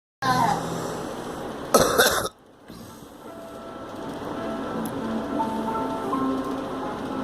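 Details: A girl gives a brief double cough, two quick bursts, over steady background music and room noise.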